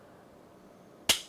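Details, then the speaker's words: Ultrasound-guided biopsy: quiet room, then one sharp loud click as a spring-loaded biopsy gun fires its cutting needle, sampling window placed inside the lesion seen on ultrasound; the sample stays inside the needle. "je vais tirer cette partie làà je vais faire en sorte qu'elle soit à l'intérieur de la lésion qui m'intéresse"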